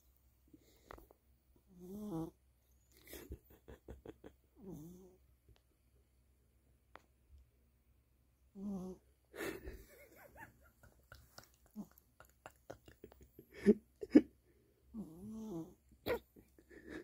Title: cat snoring